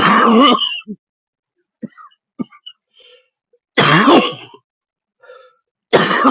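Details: Persistent cough after being unable to use an inhaler properly, with wheezing: three harsh, forceful coughs in quick succession, quiet breathing and throat sounds between.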